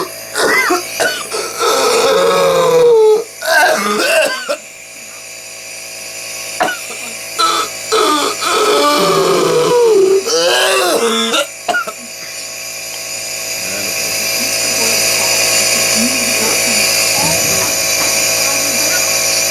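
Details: An 18-year-old disabled, medically fragile, fully immunized boy with whooping cough (pertussis) infection has a coughing fit: repeated forceful cough bursts with strained, high-pitched gasping between them.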